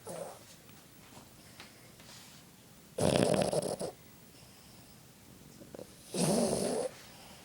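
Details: Snoring in a Boston Terrier in deep sleep: two rough, rattling snorts on in-breaths with quiet breathing between them.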